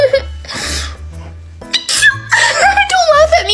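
A deliberately faked sneeze burst amid talking, laughter and background music.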